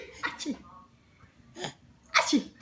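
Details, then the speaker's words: Child prompted to sneeze: short, sharp breathy bursts in quick succession in a quiet room; sneezing. "Nhảy mũi vậy ha con."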